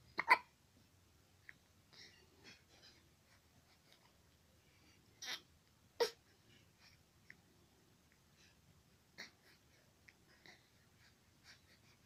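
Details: Soft, irregular catching sounds with quiet breathing between, a few louder, from a baby described as uncomfortable, fussy and wanting to cry; infant hiccups.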